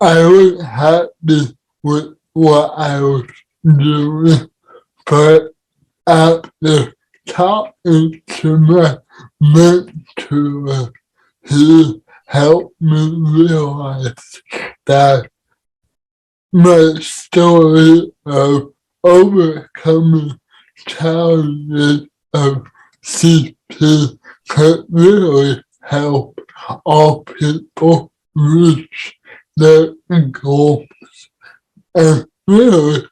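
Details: Adult man with cerebral palsy; dysarthria in cerebral palsy.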